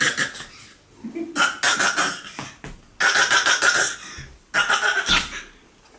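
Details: Adult coughing while walking: several harsh bursts with noisy breathing between them while moving about.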